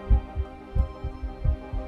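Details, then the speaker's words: A heartbeat heard through a digital stethoscope on a TV show: steady paired lub-dub sounds at about 88 beats a minute, with soft music behind, a normal heartbeat. "मैं पीयूष को बुलाना चाहूंगा आप यहां पर आकर मेरी दिल की धड़कन सुना चाहेंगे"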